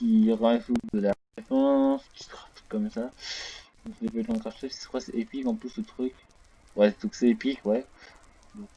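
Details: Male French-speaking gamer who reports a small stuttering problem; stuttering.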